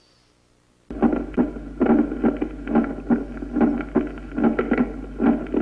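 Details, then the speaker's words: Loud first heart sound from a short PR interval (Wolff-Parkinson-White), best heard at the lower precordium and apex: an intense, long, low-pitched "lub" following the long diastolic pause. "sus caracteres acústicos son los de un ruido intenso duradero de tono bajo tipo Tum o ta o lb que sigue al Gran Silencio escuchémoslo"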